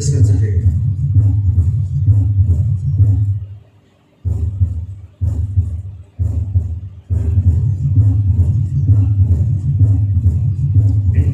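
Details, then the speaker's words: Mitral stenosis murmur with a low diastolic rumble, heard at the left sternal edge rather than the right and accentuated on expiration as a left-sided murmur. "which lies at the left customer not on the right of stone and again breathing okay effect over it accentuates on expiration since it is a left-sided number"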